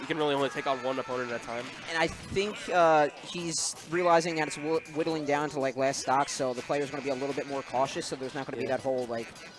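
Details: Adult male speaker; normal voice.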